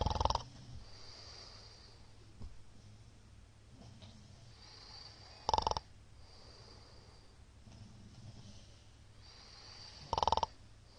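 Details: Middle-aged man's (ojisan) snoring recorded during sleep: loud snorting snores about every five seconds with quiet, shallow breathing between; frequent shallow hypopneas suggest sleep apnea syndrome.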